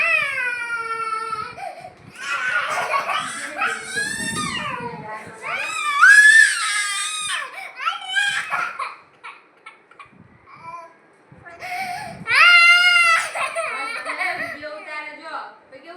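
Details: Crying in a 2-year-old toddler: loud, wailing bursts with sobbing breaths between, while adults talk nearby in a small room.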